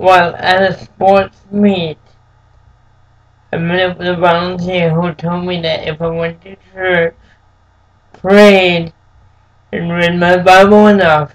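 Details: Dysarthric speech in an adult man with cerebral palsy since birth, who says it makes him move and speak differently.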